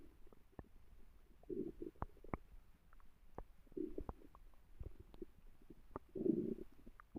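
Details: Quiet gurgles, short bubbly pops and low rumbling swells of stomach growling; ordinary bowel sounds (borborygmi).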